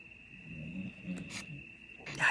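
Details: Snoring.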